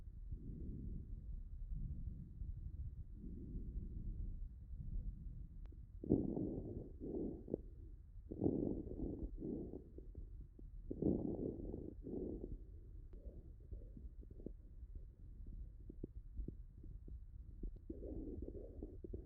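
Stethoscope chest recording with harsh tubular breath sounds, crackles, and transmitted voice sounds typical of lobar pneumonia.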